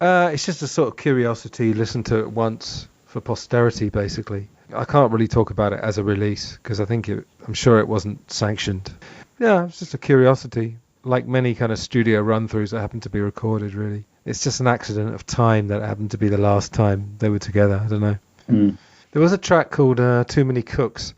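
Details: Adult male speaker; Normal speech.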